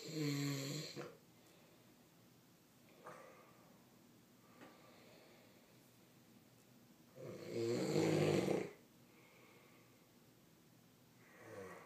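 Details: Adult snoring: loud, rattling inhaled snores about seven seconds apart with quiet breathing in between, roughly eight to nine breaths a minute.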